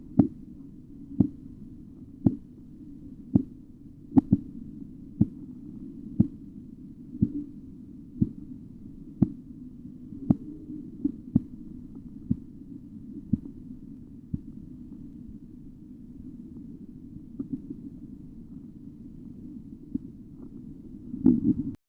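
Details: Auscultatory blood pressure measurement: regular sharp tapping at about 62 a minute over a steady hum, fading out after about fifteen beats: Korotkoff sounds.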